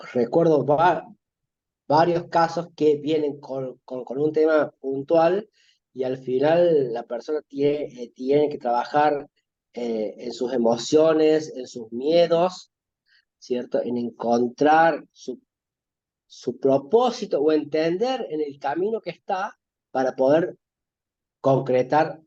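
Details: Spanish-speaking adult male who says he stutters, in spontaneous conversation. Finding: stuttering.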